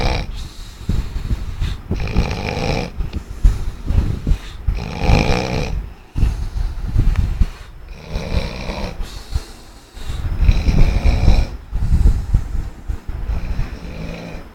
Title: chinki snoring.mp4